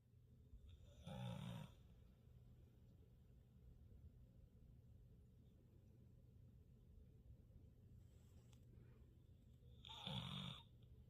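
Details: Sleeping pit bull dog: two loud, rough, low snoring bursts about nine seconds apart over steady room hum; dog snoring.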